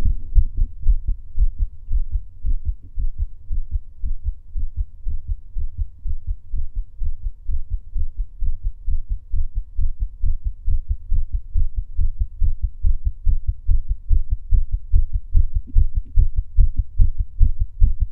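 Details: Male heartbeat recorded during breath holding: steady low thumping, fast at roughly 140 beats a minute; normal heartbeat with no abnormal sounds.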